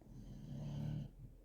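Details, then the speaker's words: Snoring from Indie, heard in the background during a home haul of thrift store mugs and glassware; species is not stated. "that is Indie snoring if you hear that"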